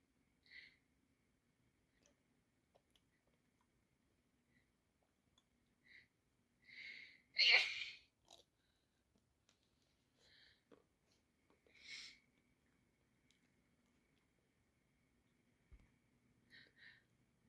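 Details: Two people, both with flu, sneezing in turn across a quiet room at night: one loud sneeze among several softer ones; sneezing.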